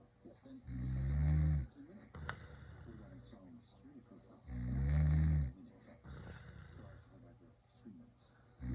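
Two loud, low, rattling snores about four seconds apart, roughly 15 a minute, with quieter breathing and faint noise between them.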